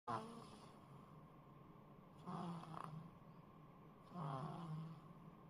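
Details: Sleeping baby girl making three rough, rattling snores about two seconds apart, roughly 30 breaths a minute, over a steady background hum: snoring.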